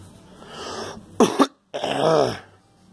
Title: Girl coughing